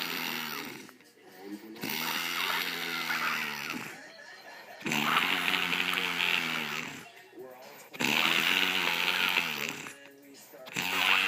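Loud, rough, rattling snores on each breath in, about three in ten seconds, with quieter breaths out between them.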